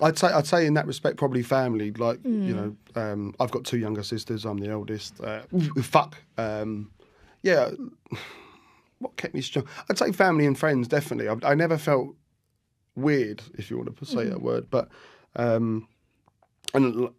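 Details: Tourette syndrome vocal tic with coprolalia, a captioned sweary tic, in an adult man; tics began at 14 after a minor ski accident, motor tics first, then vocal tics including swearing and random words 4–5 months later.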